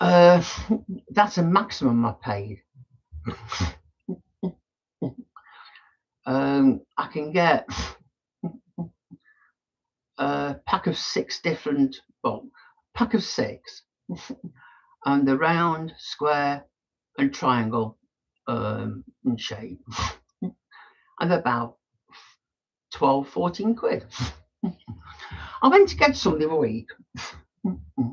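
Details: Adult male with Tourette syndrome, tics quite bad that day by his account; frequent snorting and throat-clearing tics while talking; vocal tics (Tourette syndrome).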